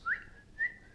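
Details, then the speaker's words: A girl with Tourette syndrome gives two brief, abrupt high whistles, one of her simple vocal tics; whistling vocal tic. "it would just be like little things like whistling saying wow"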